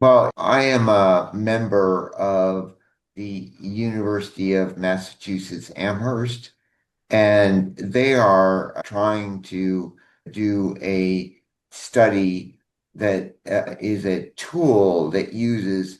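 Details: Adult man, likely a member of a network of people living with aphasia; aphasia.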